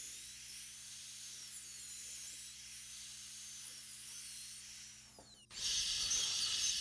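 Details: High-pitched wavering whine of a high-speed dental drill, then louder hissing spray: handpiece with diamond bur doing interproximal mesial/distal clearance during full metal crown preparation of upper molar #15.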